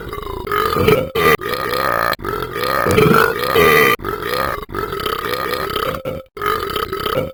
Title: does a world record part 4: the burps